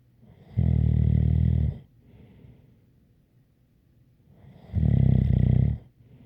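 Two long, loud, buzzing snores on breathing in, about four seconds apart, with softer breaths between them. Snoring.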